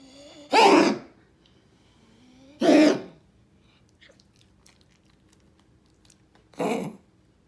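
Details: Dog coughing: three harsh, explosive coughs spaced a few seconds apart with quiet between.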